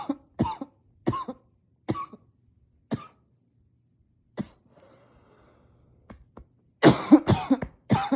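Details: Unstoppable coughing fit, muffled by coughing into a pillow while trying to stay quiet, still loud and powerful: about a dozen forceful coughs in close bursts, then a louder cluster after a brief pause.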